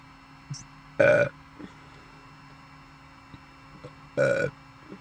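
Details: Two loud, low, voiced belches a few seconds apart over a steady background hum; ordinary burping.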